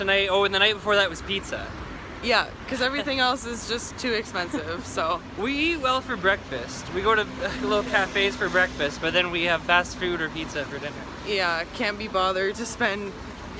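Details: Adult speaker; normal voice.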